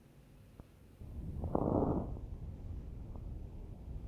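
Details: Crackles heard in a newborn with considerable airway compromise.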